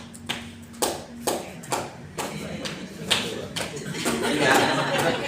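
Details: Several sharp, hollow cupped-hand claps at an uneven pace over background chatter: chest percussion demonstrated in post-pulmonary-TB rehabilitation to loosen sputum for airway clearance.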